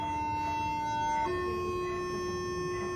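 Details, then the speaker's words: Steady high electronic tone stepping up in pitch as a defibrillator charges to full before a shock, in a bedside defibrillation/cardioversion tutorial with paddles not applied to a patient. "E charge dulu sampai penuh nyet baru di ditekan lagi dua-duanya"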